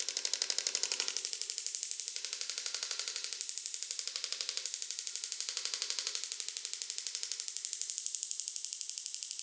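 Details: Extracorporeal shockwave therapy device run at a faster rate to treat the patient's right lower back pain at a hospital-run medical spa. Fast, regular, sharp clicking pulses, about 240 a minute.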